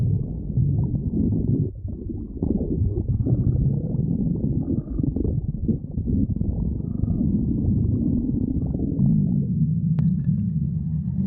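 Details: Stomach growling (borborygmi).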